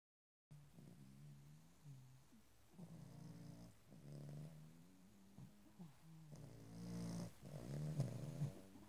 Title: Pug snoring his fool head off